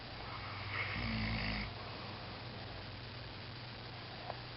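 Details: Snoring: a single low, buzzing, vibrating breath over a steady background hum.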